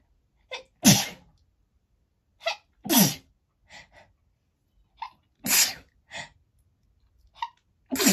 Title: Feathers make me sneeze!